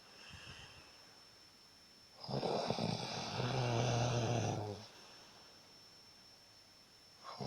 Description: Dog and owner both snoring in bed together.